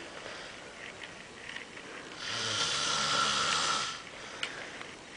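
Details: Snoring: a single long, hissing, rattling breath over a noisy room background.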